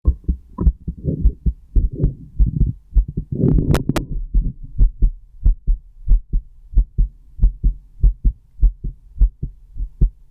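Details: Self-recorded with a stethoscope: paired heart thumps at roughly 90 a minute after early handling noise, steady two-part rhythm; normal heartbeat.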